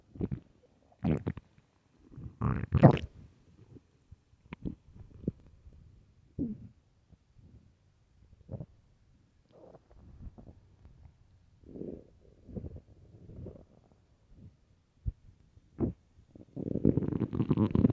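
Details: Repeated low gurgling and rumbling bursts with quiet gaps, loud at times: extremely loud stomach growling on an empty stomach.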